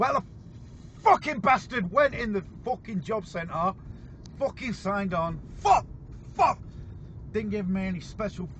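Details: Man with severe Tourette syndrome, involuntary swearing and vocal tics interrupting his speech; vocal tics with coprolalia (Tourette syndrome).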